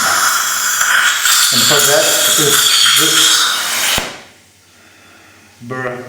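High whining drill noise with brief voices, stopping abruptly; surgical drilling during dental implant placement.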